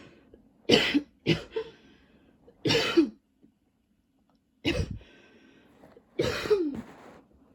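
Five harsh adult coughs in short spells with quiet gaps between them, fitting a persistent cough with throat tickle.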